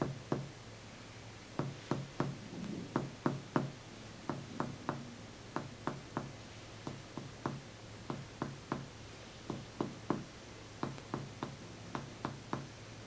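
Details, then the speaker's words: Finger percussion of an adult chest in a semiology teaching demonstration: hyperresonant lung notes giving way to flatter, duller notes moving downward, reaching cardiac dullness; hepatic dullness usually begins at the fifth or sixth intercostal space. "El sonido del pulmón es un sonido que, les repito, no es timpánico, porque timpánico es aquí, en la cámara de Trauch. Esto es hiperresonante, el pulmón es hiperresonante, escúchenlo. Este sonido es evidentemente diferente al de arriba."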